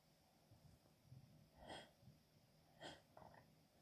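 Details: Female coming down with a cold: two small, stifled sneezes with hitching breaths between, then a softer catch; a brief, hitchy sneezing fit.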